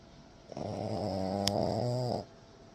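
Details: French bulldog snoring: one long, loud, buzzing rattle on a breath, typical of a flat-faced dog.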